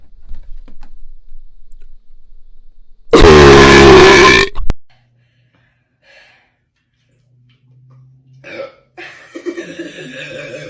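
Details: One loud, prolonged belch of about 1.5 seconds in a quiet room, from a Sprite burping compilation, followed by faint voices.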